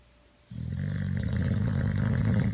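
After a brief quiet moment, a loud, low, rattling rumble with the breath, typical of a dog snoring.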